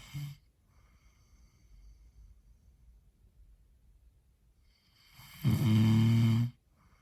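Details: Loud, deep, rattling snore on an inhalation after a long quiet pause, heavy sleep snoring from a man who says he does not snore.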